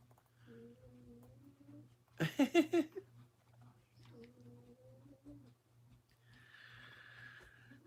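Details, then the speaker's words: A man snoring in the background during a live chat: snoring. "so over there snoring again can you hear him"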